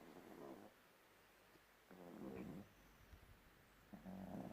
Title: Young Bulldog is snoring Młody Bulldog Chrapie 🤣🤣